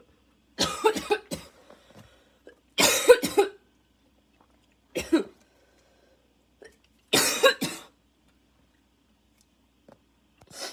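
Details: Barking cough with wheeze during a coughing fit that needed an inhaler: harsh, barking coughs in clusters of bursts, with rough, wheezy breath sounds.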